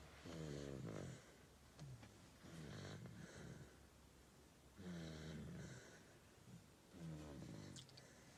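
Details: Low rattling snores on each breath, about 28 a minute, from a sleeping female in a quiet room, asleep after skipping her daytime nap; snoring.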